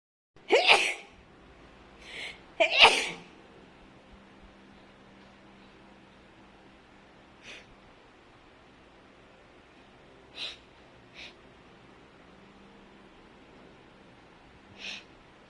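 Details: Repeated allergic sneezing with loud, wide-nose sneezes: a quick run of three loud sneezes, then several short, softer nasal bursts.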